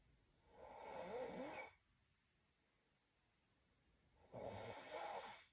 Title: SNORING WITH FLUFFY NOSE #snoringasmr #snoring